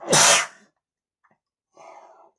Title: male sneezing #43 (I sneezes from dust in the room, flower pollen)